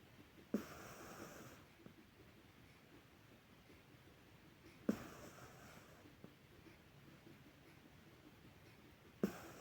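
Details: A cat in deep sleep snores lightly in a quiet room, with soft snorting breaths about every four seconds, roughly 14 a minute.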